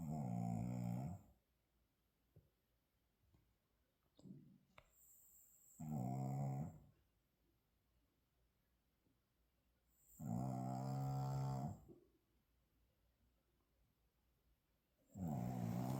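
Loud, rumbling snores about every 4–5 seconds, with quiet breathing between them; ordinary snoring in a sleeping dog.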